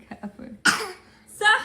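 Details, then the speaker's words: A baby boy babbles, then gives two short, deliberate, throaty cough bursts: a playful fake cough. ">> Why you fake coughing?"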